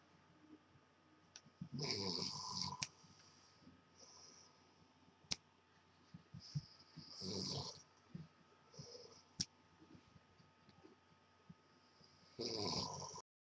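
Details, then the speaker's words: Adult man (the recorder's father) snoring in sleep: irregular rough breathing noises with a few loud bursts over quiet room noise. "any this is my dad snoring you hear"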